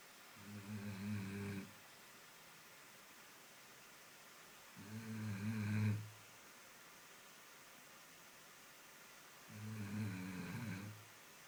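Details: Dog (Koko) resting at home after a long walk in pouring rain: three slow, low rumbling snores about 4 seconds apart, roughly 14 a minute, over quiet room noise. Dog snoring.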